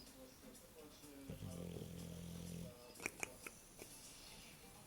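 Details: English bulldog snoring while asleep: one low, rumbling snore on an in-breath, with soft noises after, in a quiet room.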